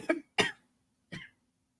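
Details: Cough.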